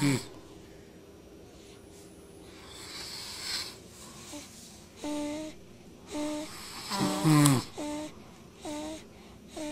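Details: Sleeping infant and her father snoring together: soft, breathy snoring mixed with short, high, whistling and squeaky breath noises at irregular intervals.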